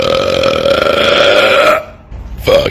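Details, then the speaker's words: Deliberate burping: a long, loud, drawn-out belch, then a second short belch after a brief pause. "I'm the milkshake yeah now that looks like a cool place to belch Let's test it out"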